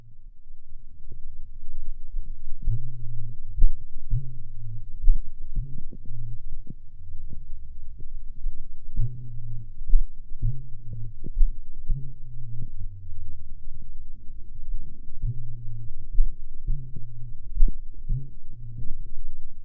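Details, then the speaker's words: Horse with aortic insufficiency: a slow heartbeat with a buzzing, kazoo-like diastolic murmur after S2, plus second-degree AV block. Every fourth P wave is not conducted, giving a pause of about two cycles, often normal resting vagal tone. "every fourth p-wave was not conducted so that there is a pause equal to about two cardiac cycles every time there's an AV block second-degree AV block is often a normal in the horse and simply indicates resting vagal tone"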